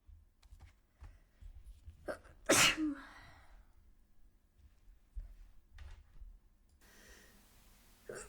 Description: Its been a long time since I recorded some sneezes. So I tried really hard to induce the sneezes and this was all I could get out!